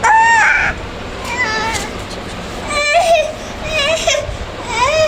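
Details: An 8-month-old baby with hiccups gives several short, rising and falling wails and whimpers separated by pauses, which is infant crying.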